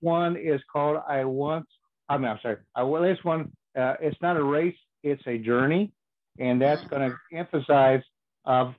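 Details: Male speaker with aphasia caused by strokes, which comes out when he speaks too fast; aphasia.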